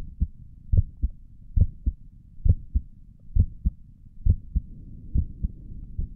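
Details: Relaxing ASMR heartbeat recording of own chest via stethoscope: steady paired lub-dub beats at about 67 a minute, regular rhythm, soft background hum; normal heart sounds.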